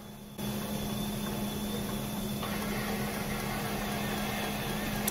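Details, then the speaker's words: Kangaroo enteral feeding pump manually primed with water from the flush bag by holding the hold-to-prime flush button: steady low mechanical hum with constant tone as the tubing primes. "so press the button that says hold to prime flush keep holding and you can see water from the flush bag priming the tubing"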